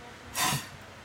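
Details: 13-year-old child blowing forcefully into a peak flow meter: one sharp, forceful blast of breath lasting under half a second.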